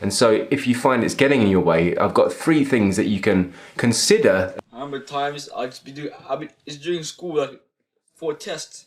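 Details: Adult male speakers, two voices; speech.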